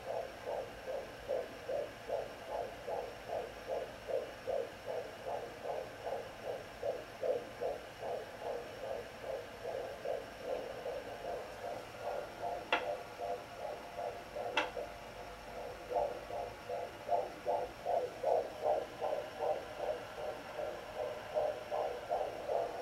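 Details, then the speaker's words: Pocket fetal doppler (Sonoline B) on the mother's left side: rapid regular galloping fetal heartbeat whooshes at about 150 beats a minute, with two brief clicks; baby kicking. "what you're looking for is like a galloping sound that's my heartbeat right there it's slower"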